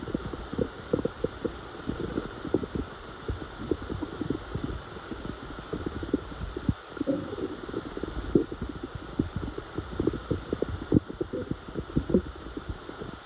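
Loud irregular gurgling and rumbling bursts over a steady hum: stomach growling, ordinary gut sounds.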